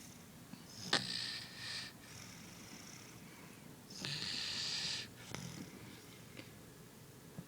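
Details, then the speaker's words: Light snoring during sleep with two long hissing, rasping breaths about three seconds apart and faint clicks between; he fell asleep drinking with the bottle still in his mouth. "sleeping and drinking and snoring the bottle is still in his mouth another spilled a drop"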